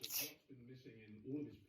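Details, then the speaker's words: Adult still sneezing after a minute-long bout, unsure why, after eating a milk bread roll with ham, mustard and butter, a mandarin and a kiwi; another person suggests lactose. A sharp, hissing sneeze followed by brief voiced sounds. "So, I don't know why I'm sneezing."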